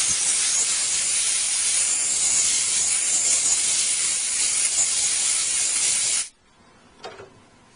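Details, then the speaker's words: Dental air-water syringe giving a steady loud hiss, then stopping, as it rinses and thoroughly dries the cavity after post-space preparation, the first step of a post-and-core demonstration with a post and dual-cure core build-up material. "following posthole preparation the first step is to rinse and dry the cavity very thoroughly"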